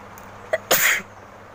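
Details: Woman's sneezing challenge: a brief indrawn breath, then one loud, hissing sneeze in a quiet room; a normal sneeze.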